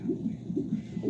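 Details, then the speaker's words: Fetal heartbeat on a Doppler monitor during labor, heard as the mother prepares for a C-section because of a possible placental problem. "i didn't pack for a c-section but that's my baby's heartbeat by the way"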